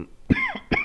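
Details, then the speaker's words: Adult with cough and sinus symptoms, thought to be sinus allergies, rapid COVID test negative: two short, harsh coughs less than half a second apart in a quiet room. "i really think it's just sinus analogies i i'm getting uh i have a cough and uh some sinus and so uh i sound a little drugged up but i'm not on anything right now"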